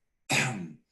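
A single abrupt, harsh throat-clearing noise from an adult man, a vocal tic of Tourette syndrome.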